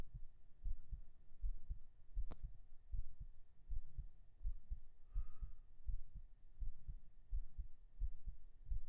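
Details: Binaural ASMR recording of a heartbeat right after 37 push-ups: steady low thumps at about 80 beats a minute, with a faint breath and a click; a normal heartbeat after exertion.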